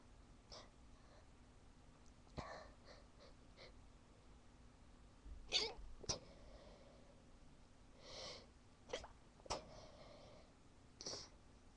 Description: I tried to stifle my sneezes, but ended up failing.